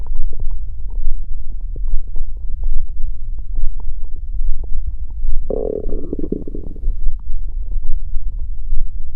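Continuous low rumbling and gurgling with a louder growl midway, typical of ordinary stomach growling.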